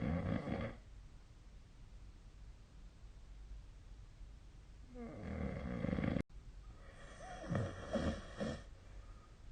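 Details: Snoring during sleep recorded with SnoreLab phone app: irregular low rumbling snoring breaths with coarse rattle, separated by quiet stretches, background phone hiss.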